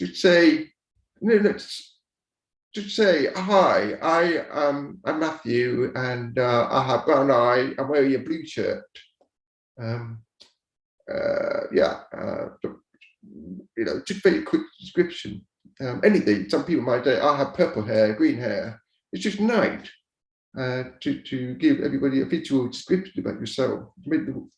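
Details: Adult man born deaf who relies on live captioning, speaking; deaf speech.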